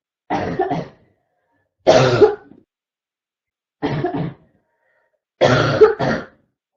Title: constant barking cough 3 (f)